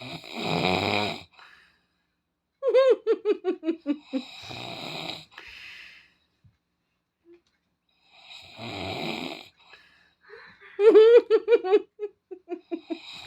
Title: Snoring be like.. 🤣🤣🤣